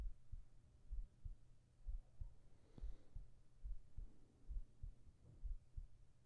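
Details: Soft, steady low lub-dub at about 65 beats a minute with faint room hum, from a heartbeat recording made for sleep and relaxation ASMR with whispering: normal heart sounds.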